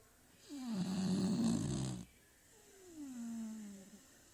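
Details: Sleeping Beagle snoring: a loud rattling snore on the in-breath, then a softer whistling out-breath.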